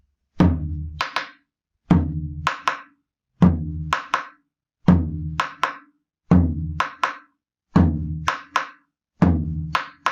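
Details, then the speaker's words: Teaching drum imitation, not a real patient, played slightly tachycardic: extra low thud just after the second sound, in rapid ventricular filling phase; third heart sound (S3) gallop. "Un R2 con R3 sonaría así."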